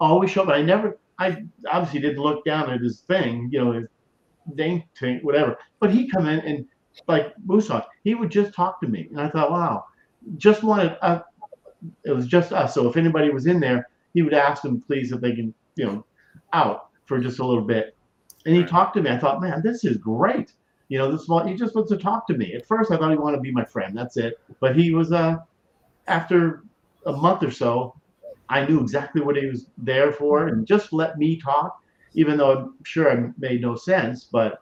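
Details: Stroke survivor with aphasia, improved a great deal over years since starting to host a stroke-awareness show, but still mumbles and forgets things; aphasia.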